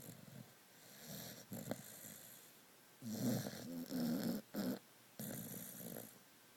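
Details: Dog sound asleep, snoring: irregular snorting, rattling snores with short breath bursts and soft wheezy noises between them.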